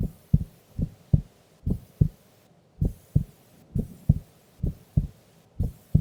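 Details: Sleeping woman during an afternoon nap: steady, regular paired heartbeat thumps at about 67 beats a minute with a slow, even rhythm; a normal resting heartbeat.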